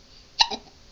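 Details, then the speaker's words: Baby boy aged 3.5 months (15 weeks) hiccuping in the morning: a single short, sharp hiccup, an abrupt catch of breath with a brief voiced squeak; ordinary infant hiccup. "Oh my. How you going to get rid of those hiccups?"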